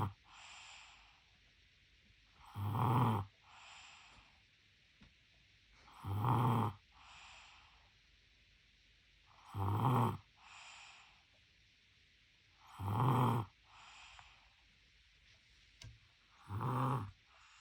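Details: Baby snoring: regular cycles of a rough, vibrating inhaled snore followed by a soft breathy exhale, about 17 breaths a minute.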